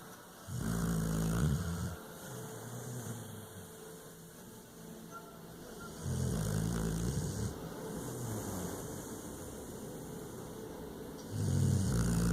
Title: Cash the snoring bulldog